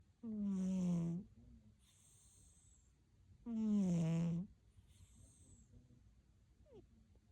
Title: Loud snoring & snorting kitty😸 #cat #siamese #shorts